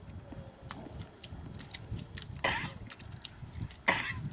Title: COUGH COUGH !